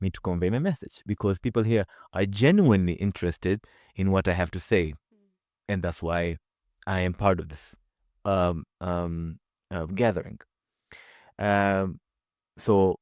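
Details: Adult man who stutters and works with a community of people who stutter; stuttering.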